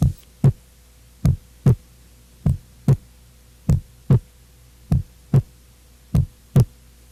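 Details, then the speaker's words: Normal adult heart sounds, S1 and S2: the second sound follows a short silence, is higher-pitched and shorter than the first, and marks aortic and pulmonary valve closure. "a segunda bolha vem depois de um curto se lance corresponde ao fechamento das válvulas aórtica e pulmonar o som da segunda bolha é mais agudo e sua duração é menor quando comparada à primeira bulha"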